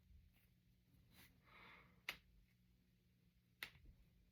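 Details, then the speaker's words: Person deliberately cracking finger knuckles: two sharp, isolated pops about a second and a half apart in a quiet room; a loud crack, ordinary harmless joint sound. "And I'm going to crack my fingers. At least I told you guys the time and the date so you can so you know how so you know how recent recent this video is. That was a loud crack."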